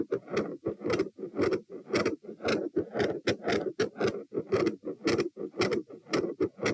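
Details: Heart sounds recorded at position T, standing, while a leg bob is performed: fast, loud heart sounds with a brief induced continuous murmur and a disproportionate increase in rate and first heart sound intensity.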